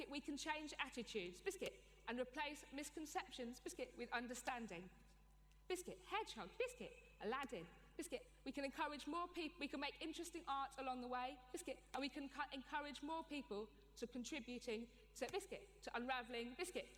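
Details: Tourette syndrome, a neurological condition, in an adult woman, with involuntary vocal tics (repeated interjected words such as "biscuit") interrupting her speech; finding: vocal tics.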